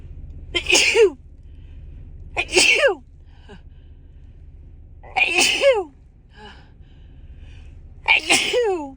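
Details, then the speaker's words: Woman sneezing while on the drive home, in a sudden itchy, tickly fit that left her stuffed up; she wonders if a cold is starting. Four sneezes in a row, each with a sharp in-breath, over steady car noise. "I have to sneeze again oh wow oh God oh my God I just can't stop sneezing"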